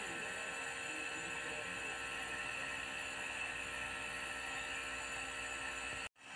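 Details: Nebulizer compressor used for steam therapy of a baby's productive cough: steady high-pitched mechanical whir and hiss running continuously, then abruptly cut off.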